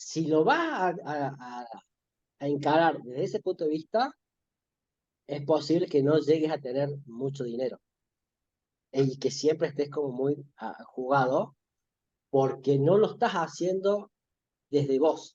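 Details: Spanish-speaking adult male who stutters, with difficulty talking to friends and parents since childhood, in spontaneous conversation. Finding: stuttering.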